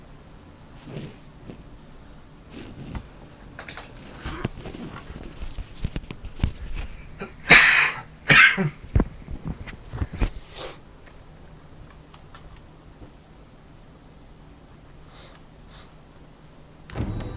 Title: Dragon's Dogma 2 - Part 4 - featuring my dry cough